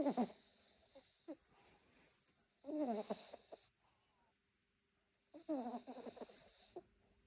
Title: Snoring Cutie❤️🐶